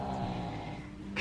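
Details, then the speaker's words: Sleeping dog snoring: a low, steady rumbling breath sound, heard briefly in a quiet room. "My goodness, he's such a little snorer. So lovely."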